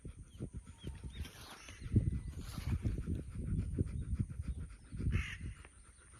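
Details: An 11-year-old female dog pants hard after swimming and walking in hot sun, with rapid, rhythmic huffing breaths and faint birdsong behind.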